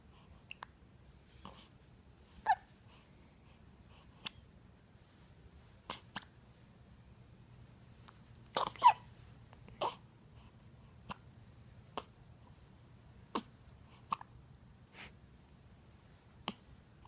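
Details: Hiccups in an awake, alert infant boy: soft, brief, sharp catches at uneven intervals, about 9 a minute, in a quiet room; they stopped briefly, then came back.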